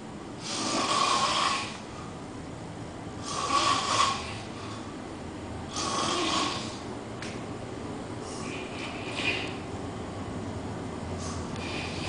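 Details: Person asleep on a couch, loud enough to be heard throughout the house: loud, harsh snores on each inward breath, roughly every two to three seconds, fading toward the end; snoring.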